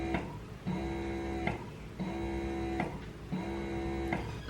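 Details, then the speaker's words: Spectra M1 electric breast pump just switched on, pumping into two connected bottles with both backflow protectors working: rhythmic humming motor cycles, each ending in a soft click, about 45 a minute. "so I just switched it on and start to pump you could see that both backflow items are already working so"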